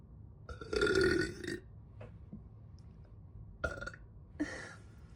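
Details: Person recording their own burps, with bloating and soda tagged: a long, loud, throaty belch followed by two shorter ones in a quiet room; repeated burping.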